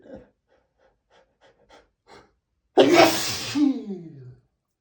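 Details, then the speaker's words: Man with allergies in an intense rapid sneezing fit of 60+ sneezes: short sniffs and small catching breaths, then one loud explosive sneeze trailing into a groan; sneezing. "I can't deal. I can't deal with so much sneezing."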